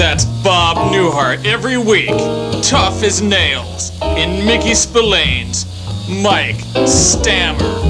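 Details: Adult male announcer; typical speech.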